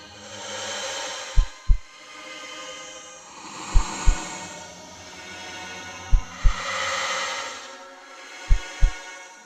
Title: Heart beating (strange noise 1)